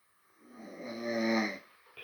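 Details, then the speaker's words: One loud, rough snore on a breath in, rising then fading, from an adult asleep with a cold, recorded at 2:45 a.m.; snoring. "je ronfle fort. 2h45 du matin. Putain, c'était fort comme bruit, hein."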